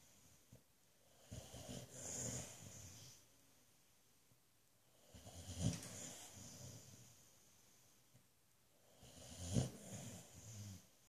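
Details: Boxer dog snoring loudly enough to wake owner: loud, rough snores with each breath, about 15 a minute, in a quiet room.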